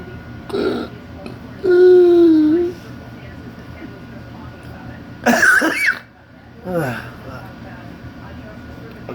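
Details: Tail end of a choking episode in a patient with persistent intractable hiccups and breathing and choking spasms since December 2015, cause undiagnosed: strained squealing gasps and harsh bursts as the airway clamps shut; hiccup-linked laryngospasm-like choking spasm.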